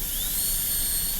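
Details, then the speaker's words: Steady high-pitched whine with rushing air from a high-speed dental drill cutting a lower-arch Class II #30 MO preparation on a typodont model tooth in a teaching demo; cutting straight in, angle found obtuse on mirror check. "I'm just cutting in straight. And I won't know the angle until I look in the mirror, and it's pretty obtuse, so I'm going to change it."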